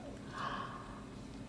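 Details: Stomach growling (borborygmi): a low, gurgling rumble with a brief rising squelch, typical of a hungry stomach.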